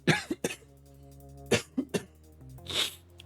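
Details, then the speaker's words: A few short dry coughs and throat clearing over background game music during a live-streamed Forza Horizon 5 racing session; cough. "Coughing and driving almost 400 km an hour is not a good combo."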